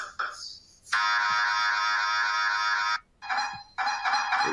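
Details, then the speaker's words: Loud steady buzzing broken into repeated blaring alarm-like and hammering bursts, played as examples of normal MRI scanner noise heard during a brain MRI scan of about 40 minutes, at a UK Biobank imaging visit. "very much like alarms often or hammering noises and i know that these can be a little disconcerting but they are they are completely normal"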